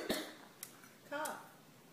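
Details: Baby in a quiet room, recorded around 3:30 AM, gives a single sharp cough and then a brief voiced sound; parent calls it a terrible cough.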